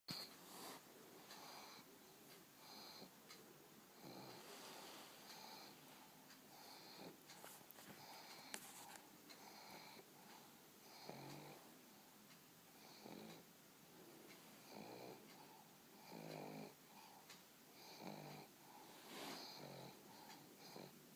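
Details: A pug snoring with one eye open as he gets sleepy: soft, wheezy, snuffling snores repeat every second or so in a quiet room, typical of a flat-faced dog's noisy sleep breathing.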